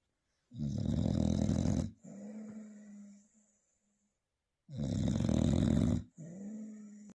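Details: Snoring from an English Bulldog.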